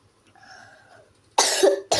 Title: Gabut aja maaf ya aku batuK